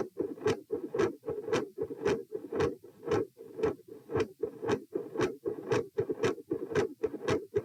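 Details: Heart sounds recorded at position p during a sitting-to-standing manoeuvre: a consistently loud S2, a variable S1 and episodes of murmur.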